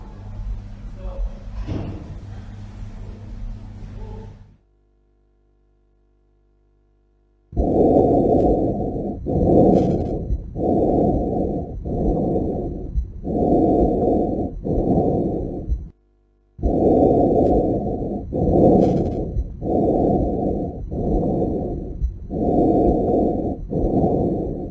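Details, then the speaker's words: Normal breath sounds on lung auscultation, bilateral and symmetric, starting at the bases, patient breathing quietly with mouth open: soft, even, regular rushing breath sounds through a stethoscope. "L'auscultation pulmonaire est bilatérale et symétrique."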